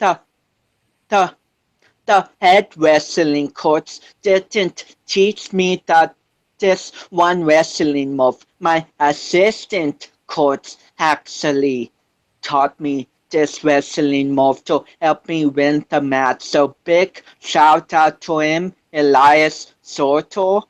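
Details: 25-year-old man with cerebral palsy since birth, which he says affects his balance, coordination and speech; doctors had told him he would never walk; real speech; dysarthria (cerebral palsy).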